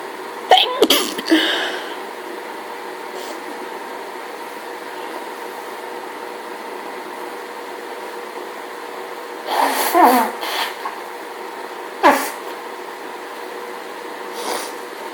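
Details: Sneezing fit from hay fever allergy: several forceful sneezes in quick succession over room noise, repeated sneezing.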